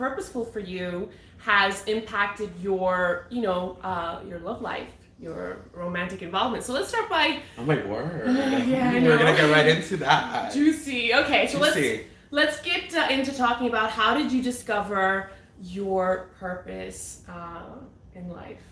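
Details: Adult women in conversation; Normal voice.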